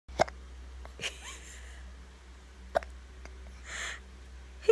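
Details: Baby boy's hiccups: two sharp, brief hiccup sounds about two and a half seconds apart over faint room hum.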